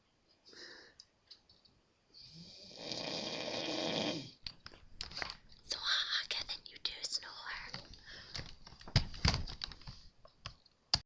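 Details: Snoring from a sleeping man: a loud rough snore on an in-breath, followed by quieter irregular breathing and rustling in a small room.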